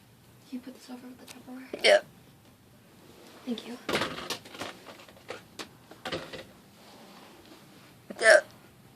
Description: I was curious as to what my hiccups sounded like.